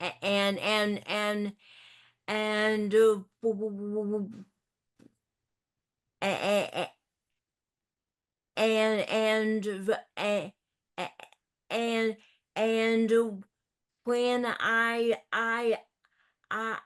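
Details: Adult in a discussion group for older adults who stutter, with repetitions of 'I'; stuttering.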